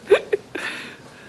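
Three short, abrupt gulping sounds in quick succession, typical of hiccups.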